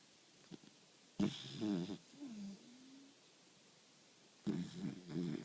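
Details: A 4-month-old puppy snoring while asleep: two loud, raspy, vibrating breaths with a soft high whine between them.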